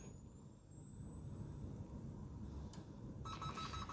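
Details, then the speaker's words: Thin rising electronic whine holding steady, then a high ready tone over room rumble: defibrillator charging to 150 J, synchronized, for a second cardioversion of pulsed wide-QRS ventricular tachycardia in a simulated ACLS megacode; defibrillator charging tone. "Berarti saya akan melakukan eh shock yang kedua dengan dosis 150 jou. Pencet synchronize. Jelly lagi. Oke, charge."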